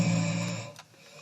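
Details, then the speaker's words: Mild snoring recorded from a patient during a hospital polysomnography sleep study: a short, low, buzzing snore on one breath in, fading away. "Voilà, ça c'est un petit ronflement sympa."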